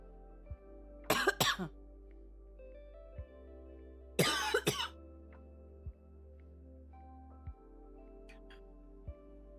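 Two bouts of short, harsh coughs and throat clearing from an adult woman, with soft music playing throughout; a cough.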